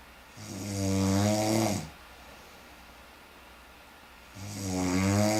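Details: Sleep snoring: two long, loud, rattling snores on the in-breath, separated by a quiet out-breath.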